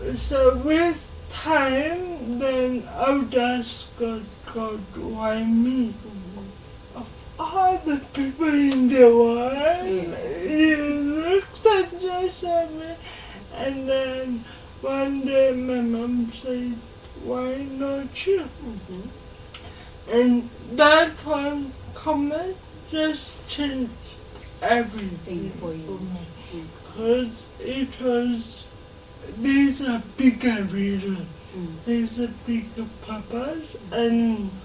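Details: 26-year-old woman with lifelong cerebral palsy who began talking later than other children; dysarthria in cerebral palsy.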